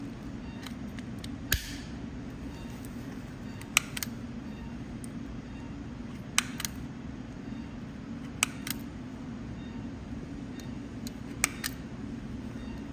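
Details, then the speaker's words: Skin stapler firing during skin closure after removing an ankle plate, 8–9 months after a bimalleolar fracture fixed with a lateral locking plate and medial malleolar screw; operating-room hum with several sharp, isolated clicks seconds apart. "Our sister is very expert. She always likes the stepper to save the timing closing with the stepper."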